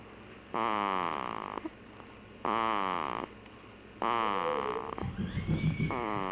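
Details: Long whistling snoring breaths falling in pitch, about one every two seconds, with a short snuffling sound near the end; snoring.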